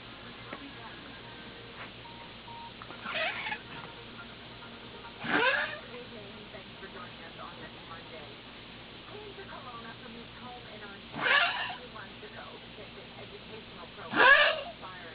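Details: 13-year-old Toy Poodle with heart disease, on Fortekor and furosemide, suddenly coughing nonstop; not a collapsed trachea. Four brief, dry hacking coughs spaced irregularly; cardiac-related dog cough.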